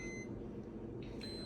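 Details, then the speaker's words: Moog Infinity enteral feeding pump demo connected to a doll, alarming because no food reaches the line: short repeated beeps over room hum until the line is primed. "it's going to keep alarming until there's food so I always just prime it until there's food back"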